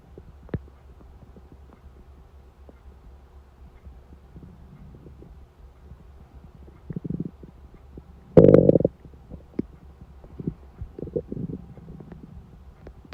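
Quiet room with scattered gurgles and one loud low rumbling growl; hunger stomach rumbling, a normal bowel sound.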